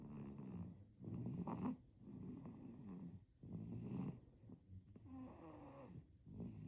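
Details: Snoring in a sleeping baby: soft, rattly snoring sounds with each breath, repeating at a quick, slightly irregular pace.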